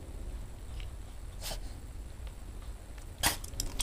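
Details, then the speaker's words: Female dog sneezing on cue as her owner prompts her: two short, sharp bursts of air in a quiet room. "God bless you God bless you sneeze go ahead sneeze good girl good girl do it again God bless you at you get ahead sneeze sneeze mommy says sneeze one sneeze"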